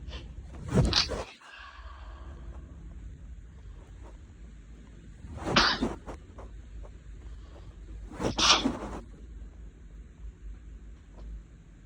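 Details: Three forceful sneezes, each with a brief intake before the burst, from an adult with a lingering cold and a sensitive nose, while in bed.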